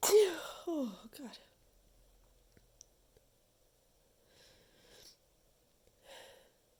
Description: I was sneezing into a handful of tissues, trying to kind of stifle them I guess? It made me even more stuffed up than usual!